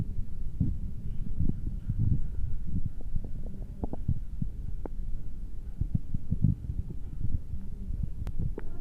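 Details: Abdominal bowel sounds: low, irregular rumbling with scattered clicks and gurgles.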